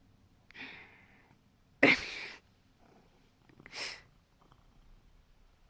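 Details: Sleepy male pet, woken from sleep and unable to keep his eyes open, gives a soft breath, then one sharp explosive sneeze and a smaller sneezy snort in a quiet room; sneezing.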